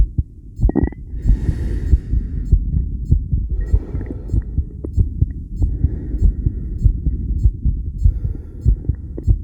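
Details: Adult self-recorded with homemade electric stethoscope while on a 10-lead ECG suction electrode machine, after regulated breaths to stimulate heartbeat; strong, mostly steady beats with rhythm changes from breathing and CO2; tachycardia with extrasystoles.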